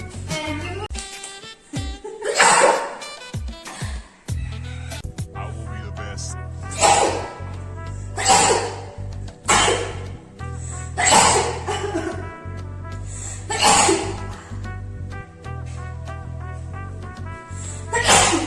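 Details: Several explosive sneezes from two Indian girls during a sneeze challenge, heard over loud background music.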